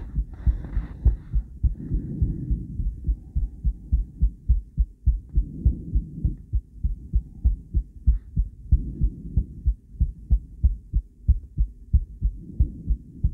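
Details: Heartbeat of a female heart recorded by cardiac ultrasound, with a different transducer and combined with ECG: steady, fast, low thumping beats with soft whooshing swells between them; heartbeat on ultrasound Doppler.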